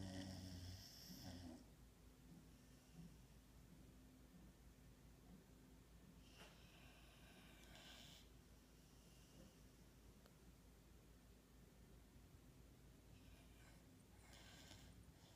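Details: A sleeping, dreaming dog snoring: soft, irregular snorting breaths with a few louder snuffles in a quiet room.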